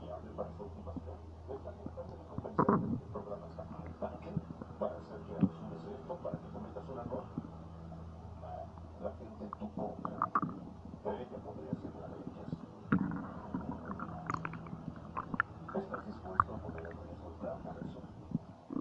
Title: Stomach Noises 3